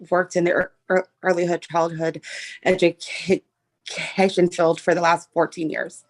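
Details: Adult female, self-described person who stutters, asking a question in a meeting; stuttering.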